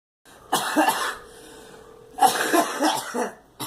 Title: Girl coughing